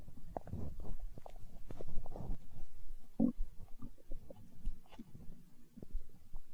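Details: Hunger stomach growl recorded for ASMR: low, continuous gurgling and rumbling with bubbling pops; ordinary borborygmi.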